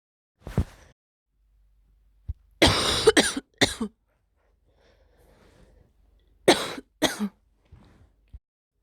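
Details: Cough from a person with a week of sore throat and blocked nose, their first coughing episode, burning the throat and chest slightly; about six harsh coughs in short clusters, upper respiratory infection.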